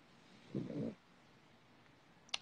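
A single low, rough rumbling breath rises out of quiet room noise, followed by a faint click: a sleeping dog's snore.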